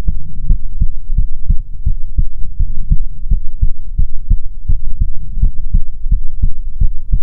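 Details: Soothing ASMR heartbeat recording: steady, muffled heartbeat thumps over a constant low rumble, recorded close to the chest; a normal heartbeat.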